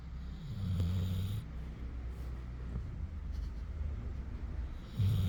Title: Aira's snoring.😂🤣 Cute #cute #labrador #petshub #shorts #doglover #fyp